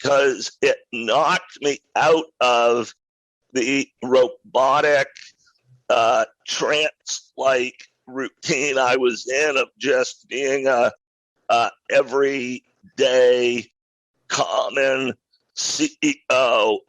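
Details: Adult man with a rare neurological voice disorder acquired in 2012 that made speaking difficult, still audible in his speech; neurological voice disorder.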